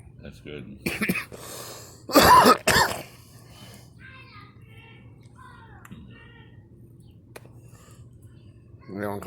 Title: me coughing